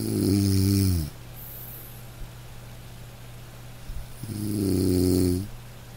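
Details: Man snoring in deep sleep: two loud, low, buzzing snores on breathing in, separated by a quiet pause.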